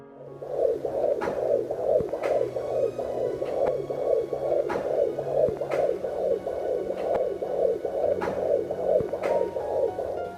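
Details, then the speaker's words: Umbilical cord blood flow heard with a pocket fetal Doppler on a pregnant abdomen: rapid, rhythmic blowing or running-water whooshing pulses at about 140 a minute, which the device reads around 30; normal cord flow sound. "起血流是节奏比较快的，像吹风或者流水一样的声音。"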